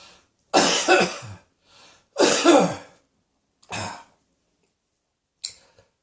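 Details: Coughing: about four harsh, rough, dry-sounding cough bursts, each separate with pauses between; repeated cough.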